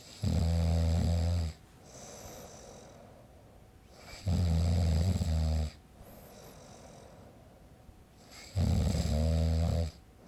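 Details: Adult man snoring, recorded with a Zoom H5 as a sound effect: loud, low rattling snores on each in-breath, about 14 a minute, with quieter breathing out between; snoring.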